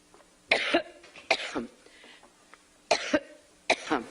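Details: Four loud, dry cough bursts, some in quick pairs with short pauses, from an adult woman diagnosed with pneumonia, coughing during a campaign speech while reaching for water: cough.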